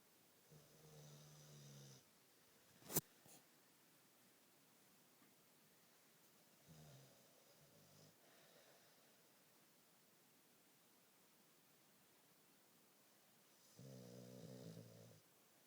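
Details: Female passed out asleep after walking all day at a parade: three low rumbling snores on breaths in, several seconds apart, with a sharp click between them; ordinary snoring.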